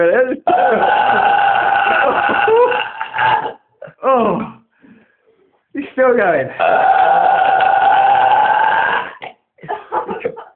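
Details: Man deliberately burping after eating kebab and drinking cola: two long, loud, rumbling belches with short voiced bursts between them, over faint room noise; deliberate prolonged burping.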